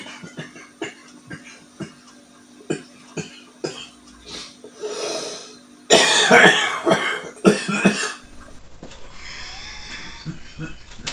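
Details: A mature adult male smoker gives a harsh, rough cough in a short burst after an inhalation; smoker's cough.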